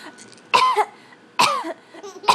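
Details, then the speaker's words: An infant boy makes two or three short, voiced cough-like bursts on purpose, imitating his mother's fake cough; voluntary (fake) cough. "now who's coughing now he's faking the cough and getting the laughs it's usually you faking the cough"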